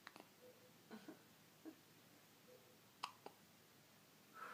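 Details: One-week-old baby; soft, brief catching sounds recurring irregularly in a quiet room, several over a few seconds: infant hiccups.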